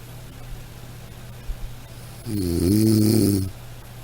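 One loud, rough, low-pitched snore lasting about a second over steady room hum; ordinary snoring.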